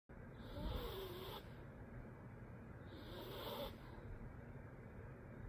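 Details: A Bichon dog with snoring and sleep apnea makes soft, noisy snoring breaths while asleep, roughly every two to three seconds, over a steady low background rumble.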